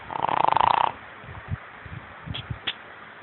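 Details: Sleeping dog snoring: one fluttering, rattling snore lasting under a second, then soft snuffles and breathing.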